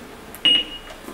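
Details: A short high-pitched electronic beep from a training automated external defibrillator with electrodes on a bare chest, sounding during rhythm analysis ("don't touch the patient") in a public practical demonstration.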